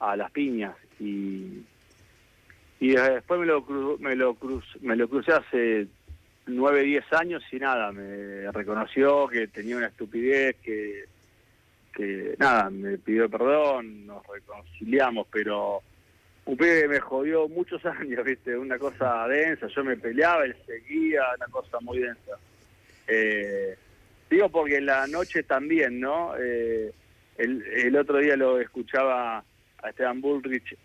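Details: Adult man with stuttering since childhood that persists, improved over the past two years, and for which he consults professionals, speaking in a live Spanish radio interview; stuttering.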